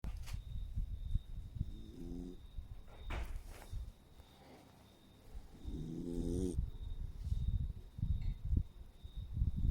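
Soft, low snores with faint whistling tones on breaths, from a small dog asleep in someone's arms; snoring.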